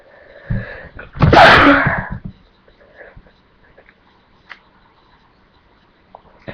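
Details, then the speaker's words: Person feeling very sneezy, unsure whether the cause is outdoors or their shampoo: a single loud sneeze, quick in-breath then forceful burst of air, followed by quiet room sounds; sneezing. "Hey guys, I'm feeling really sneezy and I don't know what it is. It might be outside or I don't know, it might be this shampoo I use."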